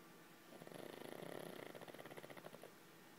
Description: Lenny the pug gets woken up during a snoring session.